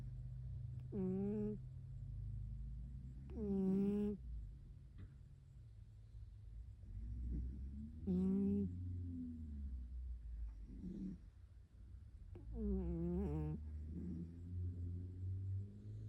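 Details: Snoring from Zuka, a cat sleeping in a lap in bed: soft, irregular snoring sounds with a faint squeaky whine on some breaths, over low room hum.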